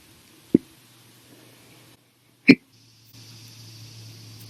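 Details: Two sharp, abrupt hiccups about two seconds apart, over a quiet room hum.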